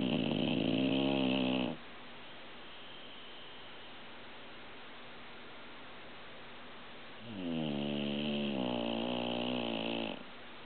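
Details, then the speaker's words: Old female pit bull, a shelter rescue, asleep: two loud, rattling, buzzing snores a few seconds apart, separated by quiet breathing. Ordinary dog snoring. "Sue's my sweet pit bull. What a snore pot."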